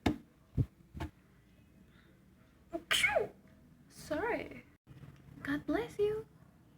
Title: The types of SNEEZE🙈